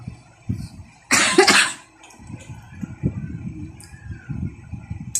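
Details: An adult woman with a cold, cough and fever, eating poorly, on her way to a medical check-up: a single harsh, explosive cough over low rumbling background noise.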